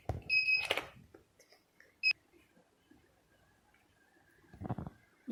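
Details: Beeps from an LS-X3 3D HIFU (high-intensity focused ultrasound) non-surgical face-lift and skin-tightening machine in professional mode, signalling its shots as the shot counter advances.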